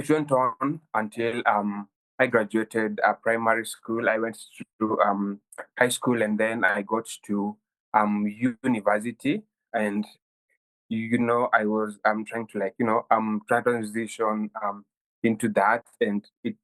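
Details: Stuttering in a 23-year-old Kenyan man who has stammered since childhood, reportedly worsening at university.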